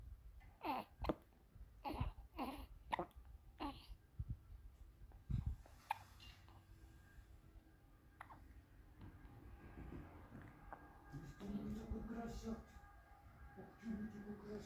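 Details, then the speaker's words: 2-week-old baby girl settling to sleep: about six short, sharp hiccup sounds in four seconds, then quieter breathing with soft background voices and music; newborn hiccups. "She's gonna sleep. Don't worry. Let her get over the hiccups."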